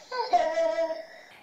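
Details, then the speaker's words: Child with croup (laryngitis stridulosa, inflamed larynx) with barking cough: a single high-pitched, crowing, musical noise about a second long, inspiratory stridor from air passing the airway; sample audio. "Vais a ver que el niño empieza a hacer un ruido que se llama estridor como os decía que corresponde al paso del aire por la vía"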